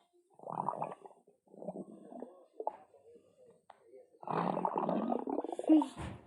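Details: Low gurgling rumbles in several bursts, ending in a longer, louder rising growl; stomach growling (borborygmi).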